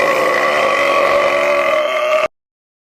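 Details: Burping: one long, loud, sustained belch lasting about two seconds, then silence.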